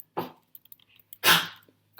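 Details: Two harsh, forceful hacking bursts from a dog, seemingly bringing up a furball, with small clicks between over faint room hum: retching cough.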